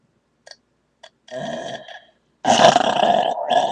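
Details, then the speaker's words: Two short clicks, then two long, loud, rumbling belches: burping. "Dr Pepper is a good drink to get you a good burp bre in you could get a good burp with this I haven't burped so well with any other drink than Dr Pepper"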